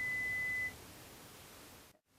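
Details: Adult client's pure-tone air conduction audiometry: a single steady high beep under a second over hiss, as threshold search lowers tones 10 dB until no response, then raises 5 dB until two of three ascending responses.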